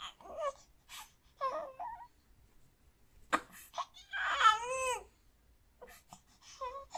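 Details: 4-month-old baby boy twitching and making noises while sleeping: brief whimpers and a short cry-like wail, face looking about to cry, settling without waking.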